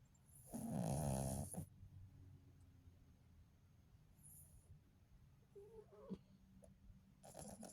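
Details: Sleeping pet dog, a female said to snore very loudly sometimes: one loud rattling snore followed by quieter breathing noises; snoring.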